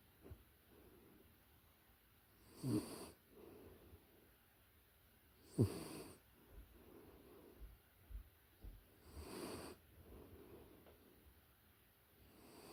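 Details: Close-up recording of a puppy in deep sleep: soft snorting snores, about three in twelve seconds, with quiet breathing between; dog snoring.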